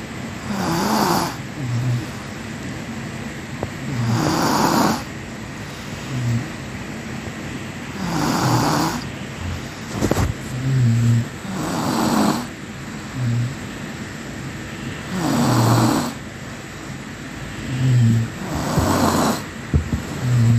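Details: Loud rumbling snores on each breath in, about nine a minute, with quiet pauses between; ordinary snoring, sound effect.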